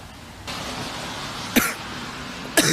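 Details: A cough heard amid casual Korean talk and background music.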